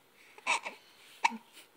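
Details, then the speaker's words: Hiccups in a happy, smiling baby boy: two brief, abrupt catches in breathing with a faint soft vocal sound between. "Oh, you have hiccups. You're still smiling. You're still smiling. You have hiccups. Uh-oh. Those hiccups make you mad."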